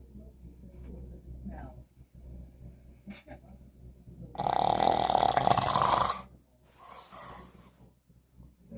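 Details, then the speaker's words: Man sleeping gives loud, harsh, rattling snores on the in-breath with a softer snort after, over quiet room noise; described as louder than the TV, although he claims he doesn't snore. "this is why he expect me to sleep next to at night really look at me no sleep got that going on and the meanwhile look at this this is louder than the TV"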